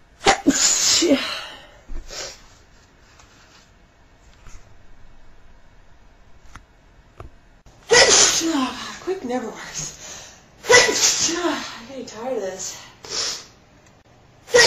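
Several explosive, hissing bursts with sharp intakes before them, in a quiet room: repeated sneezes, about four.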